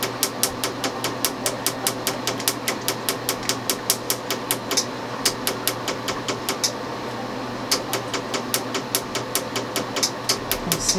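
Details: Laser tattoo removal, session 5: rapid sharp snapping pulses over a steady machine hum, about 145 a minute with brief pauses, as the laser fires on the skin.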